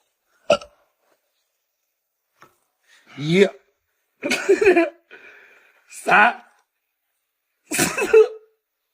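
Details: Sharp, abrupt voiced hiccups repeated about six times in a quiet room, occurring during a challenge to drink cola without hiccuping; hiccups.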